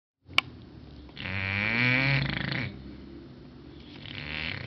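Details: Snoring of an English bulldog: one loud, rattling, vibrating snore after a sharp click, then quieter noisy breathing; the dog snoring very loudly.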